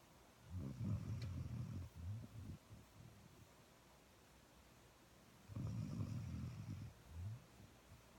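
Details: Dog snoring while being cuddled: two low, rumbling breath sounds a few seconds apart.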